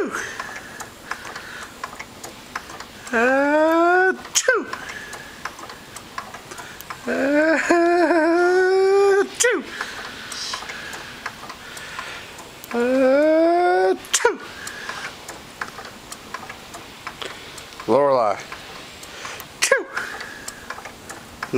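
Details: Father sneezing: four or five short, sharp sneezes, each followed by his baby daughter's bright squealing laughter; ordinary sneezing.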